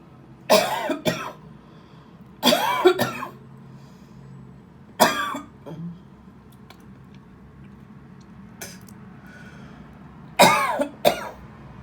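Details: Adult productive cough: four harsh cough bouts, some doubled, with throat clearing suggesting phlegm.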